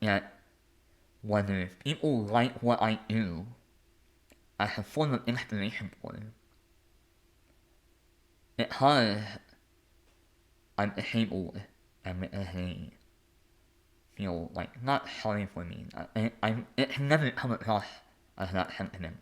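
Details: Adult male artist and conductor with a lifelong speech impediment; disfluent speech; speech impediment.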